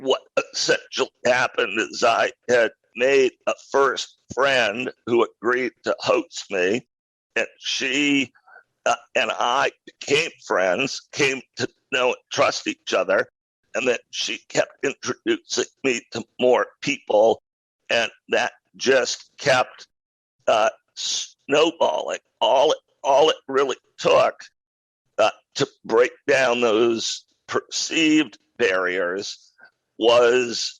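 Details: Adult man with a rare neurological voice disorder acquired in 2012, described as a partial loss of voice that made speaking difficult; about ten years on it remains audible but painless; possibly spasmodic dysphonia.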